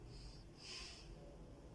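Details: Normal breath sounds auscultated over the lungs of a school-age girl inhaling and exhaling through her nose on instruction: a single soft, airy breath over a low steady rumble.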